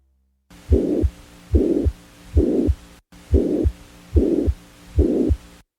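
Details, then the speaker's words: Systolic ejection murmur, educational audio example: loudness rises in early ventricular systole to peak at mid-systole, then falls as blood flow velocity and pressure gradient decrease, giving a crescendo-decrescendo shape with a decrescendo second half. "затем скорость потока крови снижается Что приводит к уменьшению градиента давления в результате вторая часть шума имеет убывающий характер"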